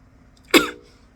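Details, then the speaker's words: Single harsh cough burst from a young adult (born 2003) in her fourth week of a respiratory infection, coughing a lot. "It's been a good while while since I filmed because I've been sick if you can hear. Um I've been coughing a lot. I have a respiratory infection."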